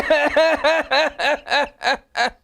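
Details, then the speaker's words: Adult imitating a machine-gun paroxysmal cough: seven rapid voiced cough bursts in quick succession with almost no pause for breath. "you see the paroxysms are following each other so much that's the cuff of coral iam rubrum is so much paroxysm that the patient can hardly take a breath"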